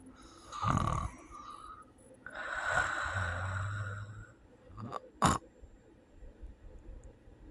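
Loud, irregular snoring with a strained snort and gasp, fitting obstructive sleep apnea.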